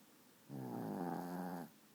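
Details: A single loud, buzzing, fluttering snore lasting about a second, from a sleeping 12 lb dog; snoring.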